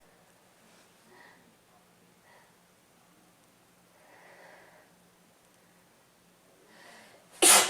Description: Another cold wav for you guys, a little short but there are some sneezes and a stuffy blow at the end.